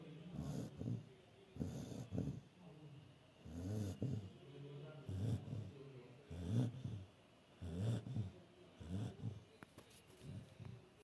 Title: when Lucy snores while sleeping 😴